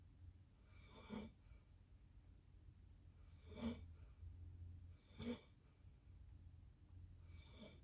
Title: Snoring again